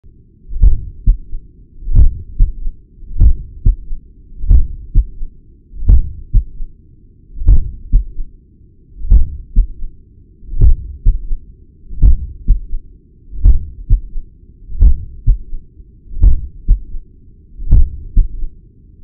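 Slow, regular low heartbeats with an extra soft thud after each cycle and a continuous murmur hum.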